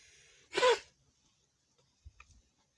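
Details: A single harsh, dry cough from a cow with viral pneumonia.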